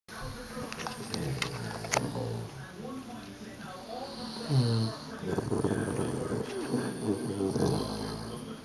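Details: A 9-week-old Dogue de Bordeaux puppy, asleep and tired out from play, snores loudly: rattling, low snores with humming, buzzy tones on each breath.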